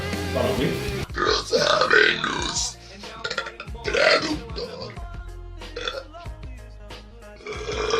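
Several loud, drawn-out voluntary belches, some voiced and rising in pitch, over background music and applause: deliberate burping.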